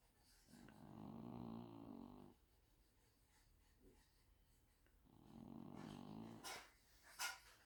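Two soft, drawn-out, buzzing breath sounds about four seconds apart, with a few light scratches: quiet snoring from a hen.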